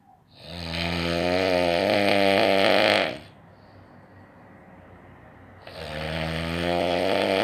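Very loud, rasping, rattling snores lasting several seconds each, separated by a short quieter pause; heavy snoring.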